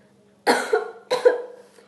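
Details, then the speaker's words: Demonstration of incorrect cough etiquette, coughing without covering the mouth: two short, sharp cough bursts in a quiet room, evenly spaced. "berikut kebiasaan batuk yang salah dan tidak sesuai etika yang pertama tidak menutup mulut seperti"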